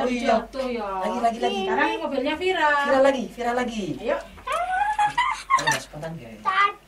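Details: Child with hearing loss who uses hearing technology but cannot yet understand conversation or speak, vocalizing during an Auditory-Verbal Therapy session; speech of a child with hearing loss.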